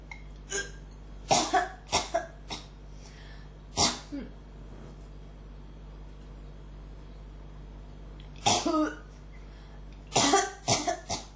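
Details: Person with a persistent cough and throat irritation, struggling to bring something up: about ten harsh coughs in clusters, some with a throat-clearing quality, followed by pauses.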